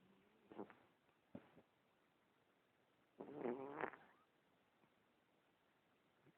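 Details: Sleeping cat snoring: soft, rattling breath sounds, a few short snorts, then a longer fluttering snore; ordinary snoring.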